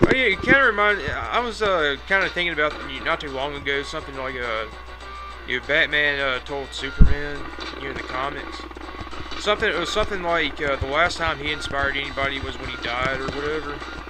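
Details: Adult gamer who says he stammers, narrating gameplay; stuttering.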